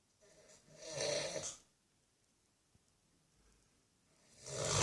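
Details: An old man asleep on Christmas day, two harsh, rasping snores separated by a long quiet pause: ordinary snoring during sleep.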